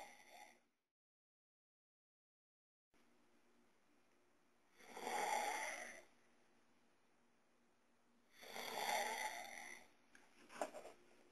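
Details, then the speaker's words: Brother snoring at 3 a.m. (he denies snoring): two loud, rasping snores about three seconds apart with quiet breathing between; snoring. "E aí olha isso daqui gente isso é meu irmão roncando e olha que ele fala que não ronc"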